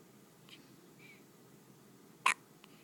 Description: has the hiccups